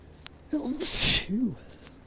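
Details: One forceful adult sneeze with a voiced lead-in and short vocal tail, during an escalating allergic sneezing fit blamed on rising ragweed pollen and high winds.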